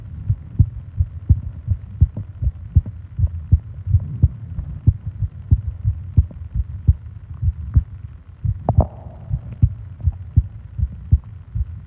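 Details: Heartbeat-and-breathing sleep ASMR recording (20-minute loop): steady low thumping heartbeat at about 75 beats a minute with a low hum underneath; heartbeat.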